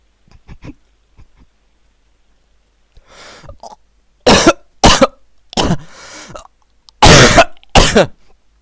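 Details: Acted cough from an adult during a prank phone call claiming a sore throat: soft throaty noises, then five loud, harsh, forced coughs in quick succession.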